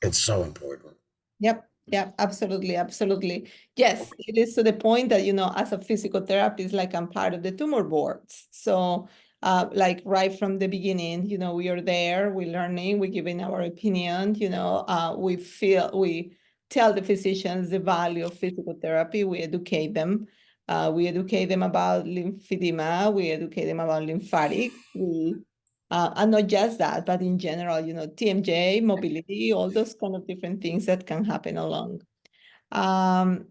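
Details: Adult speaker; normal speech.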